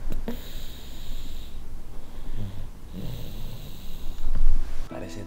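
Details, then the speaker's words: Young child snoring after an exhausting day, asleep around 10:23 pm: soft, low rumbling snores with faint whispering and room noise. "pensé que iba a ser más difícil pero la verdad que hoy lo cansé demasiado y vean está roncando escuchen"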